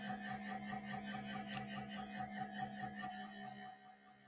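Steady hum with soft rhythmic pulsing, about two per second, and a faint tone; recorded MRI scanner sounds, including the cooling pump.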